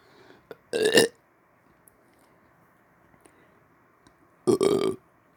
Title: On-command Burping After Brushing My Teeth!